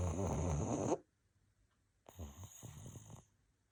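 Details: Sleeping pug dog giving two loud, rattling snores separated by a brief quiet pause; snoring.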